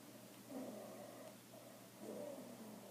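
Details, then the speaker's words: Wheezing played from a breath-sound teaching tool in a lung auscultation lesson: two breaths carrying a faint musical, whistling tone. "can hear that wheezing"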